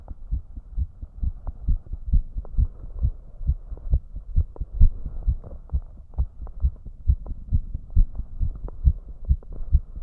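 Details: Male heart sounds with the heart rate deliberately raised to around 150 BPM: rapid, regular low thumps with a faint hum behind; tachycardia.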